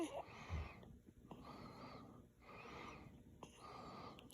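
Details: Sleeping infant after feeding, during a hiccup episode: soft, repeated, high whistling tones, about four in four seconds, like noisy, wheezy breaths.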